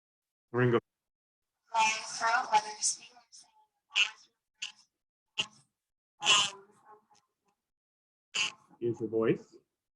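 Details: Adult female singer with difficulty singing high and low notes and a recently raspy speaking voice, attributed by other physicians to laryngopharyngeal reflux (LPR); dysphonia with significant vocal fry, some roughness and some strain.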